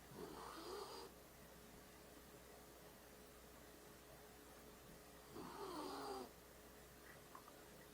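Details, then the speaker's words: A pet dog snoring while asleep until she wakes. "The camera mic may pick up. She's snoring right now."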